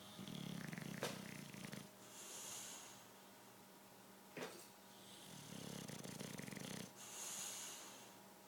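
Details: Bulldog snoring loudly during a nap: soft, rhythmic snoring with a snorting, fluttering quality on each breath, about two breaths in eight seconds, over faint room hum.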